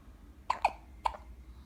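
Three soft, abrupt hiccup sounds within about a second in a quiet room, typical of a baby's hiccups.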